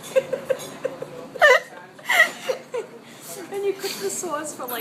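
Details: A woman with hiccups explaining how to make tomato sauce: sharp, abrupt voiced hiccup gulps keep breaking into her laughter and speech.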